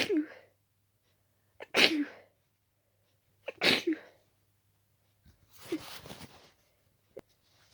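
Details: Four forceful wet, stuffy sneezes about every two seconds with quick gasps between, last partly stifled; intensely itchy nose, allergic sneezing fit from dust allergy.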